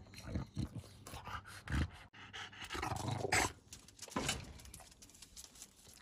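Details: Noisy breathing in an English bulldog, a short-nosed dog: irregular snorting, snuffling breaths with rough throaty noise.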